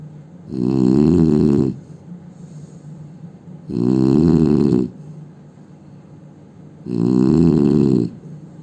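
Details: Three loud, rumbling inspiratory snores from an Indian man, each about a second long, with quiet breathing between; heavy snoring.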